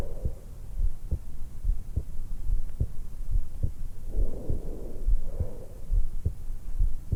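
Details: Heart and breath sounds of a 20-year-old woman just after waking, lying supine in bed, stethoscope microphone on the hollow at the base of the throat; normal heart sounds with breath sounds.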